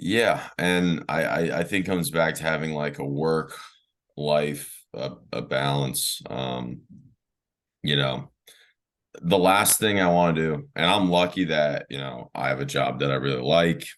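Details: Adult man who has stuttered since childhood, with speech therapy in early years through teenage and early adult life; stuttering.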